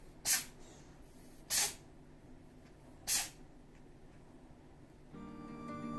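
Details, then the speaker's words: An indoor cat with cat cold (feline upper respiratory infection), early symptoms, now under treatment: three sneezes in quick succession. "सबसे पहले, उसकी छींकने और खाँसने पर ध्यान दें।"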